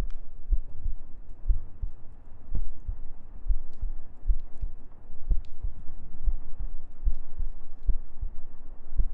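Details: ASMR sleep-aid recording of steady, soft paired low heartbeat thumps at about 70 per minute with faint humming and gentle breathing; ordinary heartbeat.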